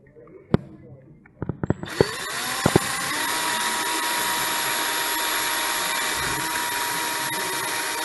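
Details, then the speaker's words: Surgical power drill during open reduction internal fixation of a fracture, drilling through both bone cortices via a drill guide over a plate hole: a few sharp clicks, then a steady high whine. "the drill was then inserted and used to drill a hole through both cortices the surgeon will feel the resistance against the drill give way twice this is how they know they have drilled through both cortices"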